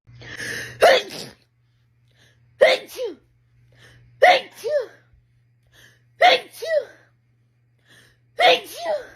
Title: Rapid Sneezing Compilation 3